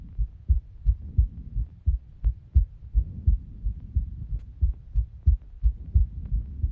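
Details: A self-recorded resting heartbeat: steady, regular, low lub-dub thumps with faint background hum, normal first and second heart sounds.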